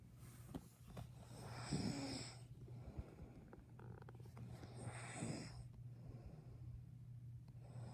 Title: Fake snore